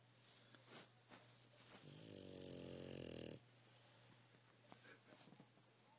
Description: Bulldog Brutus Maximus snoring hard